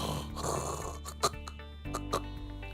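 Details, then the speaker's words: Imitated loud, rasping snore over background music demonstrating obstructive sleep apnea snoring, described as followed by a brief breathing pause of perhaps five to ten seconds before restarting. "Obstructive sleep apnea is simply, I snore and at times I stop breathing or my breathing interrupts my sleep. It sort of sounds like this."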